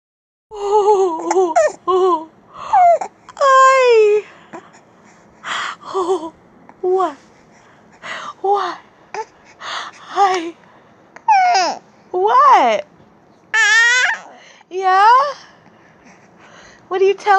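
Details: Male infant upset by bad hiccups: repeated fussy, wailing cries and whimpers with short pauses between; irritable crying.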